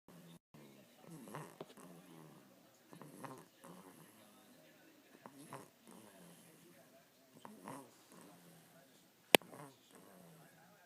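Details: 7-week-old dog (puppy) snoring while lying on mommy: rhythmic rattling snorts about one every two seconds with a faint whistle, in sleep; snoring.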